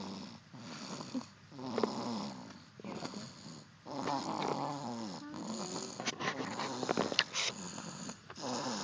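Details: A sleeping dog snoring: rough, rattling breathing sounds in slow repeated cycles with brief pauses.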